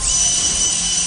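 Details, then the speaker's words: Surgical cranial drill with a steady high-pitched whine, drilling a keyhole opening in the skull through an incision in the right eyebrow for minimally invasive removal of a right-sided arachnoid cyst touching the optic nerve. "Stop. We are drilling a keyhole opening."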